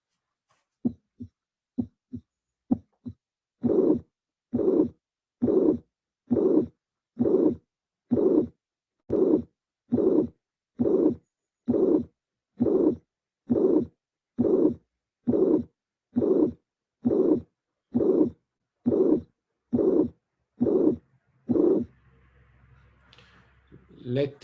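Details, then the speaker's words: Teaching recording of mitral regurgitation, electronically filtered: a few crisp normal beats, then a steady rhythm near 67 a minute with a soft systolic blowing murmur between first and second sounds and a quiet diastole. "i can anticipate the the murmur is a systolic murmur of course because this is the first sound and this is the second sound diastole is without any kind of additional sound and the murmur will be soft as all the might regurgitation"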